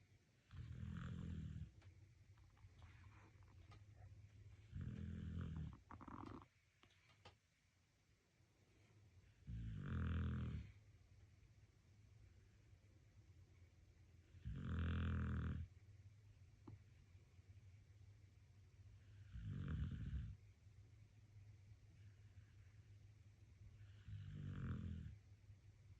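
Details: Sleeping dog snoring with wheezing: slow, regular rumbling bursts about 12 a minute with a slight wheezy edge.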